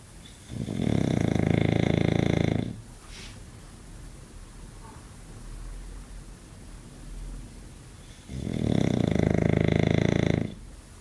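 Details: English bulldog sleeping, two long, loud, rattling pig-like snores on inhalation with quiet breathing between; snoring.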